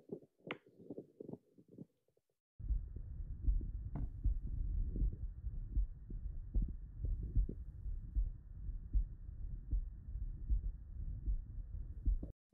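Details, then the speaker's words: Nurse listening to her own heartbeat with an Eko CORE 500 digital stethoscope: steady, low heart thumps at about 77 beats per minute, with soft rubbing noise. "this was the most bougie sounding device I've ever been able to listen to my own heartbeat on"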